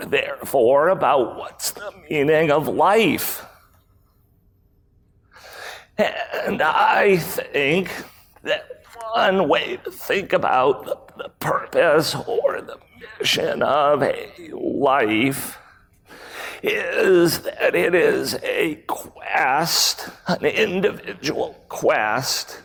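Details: Real case: a male CEO who acquired the rare voice disorder spasmodic dysphonia in 2010. His throat muscles spasm and contract when he talks, sometimes making speaking difficult. Recorded at a 2018 talk. Finding: spasmodic dysphonia.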